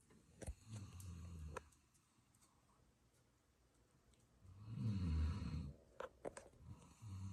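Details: Male Doberman snoring heavily: deep, rumbling snores on inhalation, with soft clicks and smacking sounds between them.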